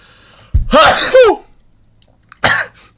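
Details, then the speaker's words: Loud voiced burst with a rising then falling sweep, then a shorter second burst with a throat-clearing quality, in a quiet room; sudden sneezing in a male live-streamer said to have allergies. "Holy [ __ ] My god. Why am I sneezing all of a sudden?"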